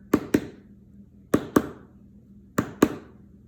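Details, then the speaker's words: Normal heart sounds: three paired lub-dub beats at about 50 per minute, regular rhythm; lub is atrioventricular valve closure as ventricles contract. "we call that sound a lub dub which is actually one beat of the heart"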